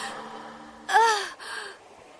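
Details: Sudden voiced in-breath with rising pitch, then a softer second breath, fitting a gasp.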